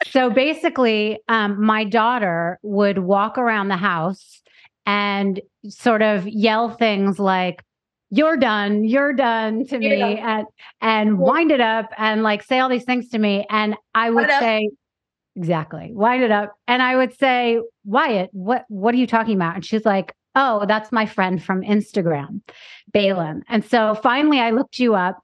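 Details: Adult woman speaking; normal adult speech.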